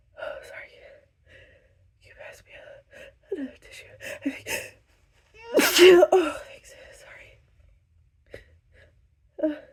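Short catching gasps and soft voiced sounds build up to one loud sneeze, then a few more small gasps.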